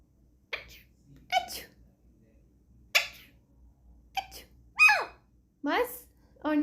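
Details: A talking parrot making short, sharp sneeze-like bursts, several in a row with bird chatter between, in a quiet room; parrot sneezing.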